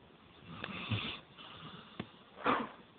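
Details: Sleeping basset hound: two short, nasal, snuffling snores in a quiet room; snoring.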